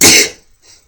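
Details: Single deliberately triggered sneeze from a man pushing a fingernail against the inner wall of his left nostril: one sharp, hissing burst of air through nose and mouth that fades quickly.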